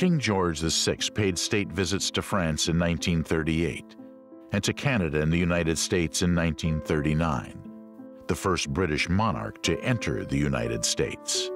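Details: Adult male narrator; normal speech.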